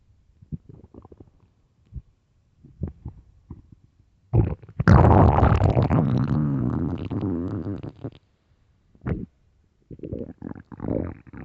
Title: extreamly empty loud deep stomach growls part 4 (starving)